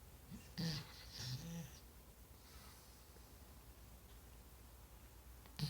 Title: snoring